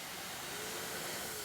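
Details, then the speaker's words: Live demonstration on a nasal pillow CPAP interface for sleep apnea: steady airy hiss of air escaping as mask leak increases with head or tubing movement; perceived leak noise that can arouse patients from sleep. "It's that perceived leak by the sound of the hissing and the noise that goes on."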